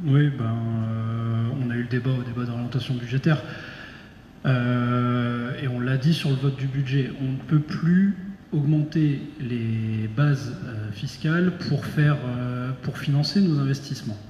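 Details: Adult male speaker; Normal adult speech.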